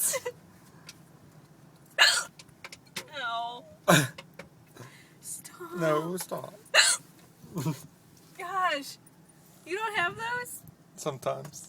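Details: Painful hiccups: the person says they hurt. Sharp hiccup catches mixed with laughing and talking inside a car; hiccups.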